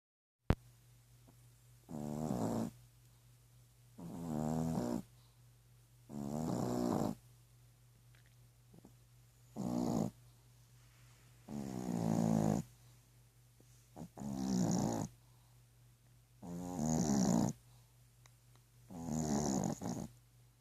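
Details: Panther (big cat) asleep, snoring steadily: deep rumbling snores repeating about every two and a half seconds; snoring.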